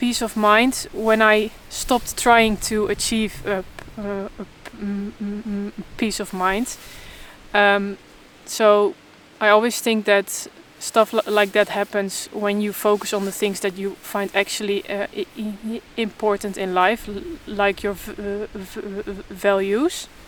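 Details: Adult woman who stutters openly but in a controlled way while trying to avoid stuttering, in stuttering therapy for the first time; stuttering.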